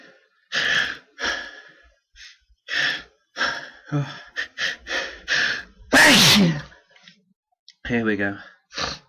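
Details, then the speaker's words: Repeated gasping, hitching breaths build to one loud forceful sneeze, then more hitching breaths; uncontrollable hitching and sneezes. "How did that not come out? What's going on? I can feel another one coming out."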